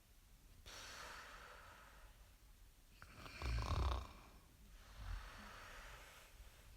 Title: SNORING SOUND EFFECT